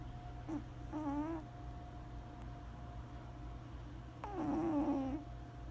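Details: Very old cat snoring, her nose no longer working as it used to: wavering, whistling nasal snores over a steady background hum.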